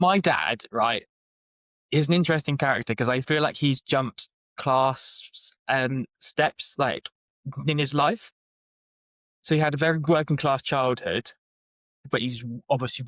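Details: Adult man with lifelong stuttering (speech stammer since childhood), self-described as not too severe; blocks and repetitions; stuttering.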